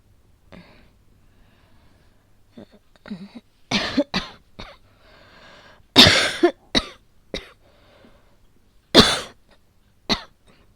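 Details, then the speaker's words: Cough during a real asthma attack, acted and somewhat exaggerated as a voice roleplay: harsh coughing bouts with throat clearing and gasping breaths, about eight coughs, before asking for an inhaler. "んちょっと苦しい。うん。また喘息みたい。最近発作出てなかったんだけどな。"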